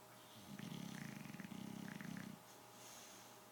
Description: Winston our bulldog taking a nap. He snores really loud!!